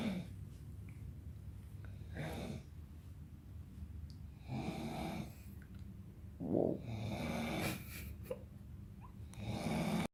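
Repeated harsh, fluttering breaths through the sleep cycle with a low rumble underneath; loud snoring in a quiet room.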